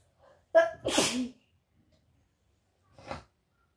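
A voiced intake followed by one forceful, wet-sounding sneeze, then a short sniff; a single sneeze with a moist quality.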